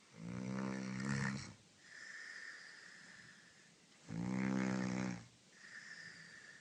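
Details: A woman snoring: two loud, rattling, tonal snores on breathing in, each followed by a softer noisy breath out, at roughly 18 to 20 breaths a minute.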